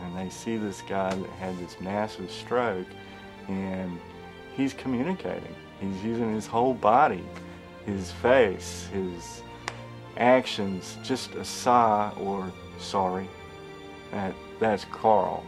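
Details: Adult man speaking; normal speech.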